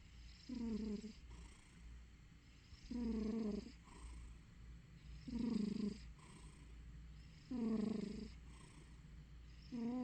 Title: Juliet-Eve sleeping, snoring/purring cat.